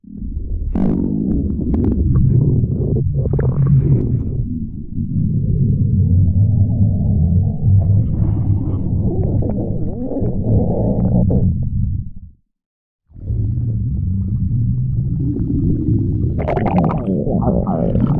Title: got cute on the microphone Stomach growling